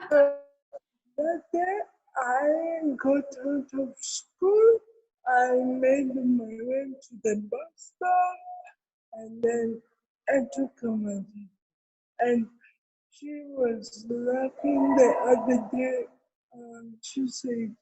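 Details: Adult woman with cerebral palsy, with dysarthria.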